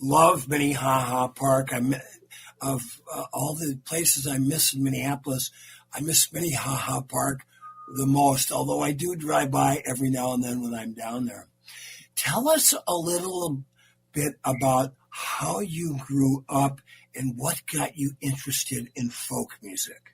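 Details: Adult male speakers in a radio interview; normal conversational speech.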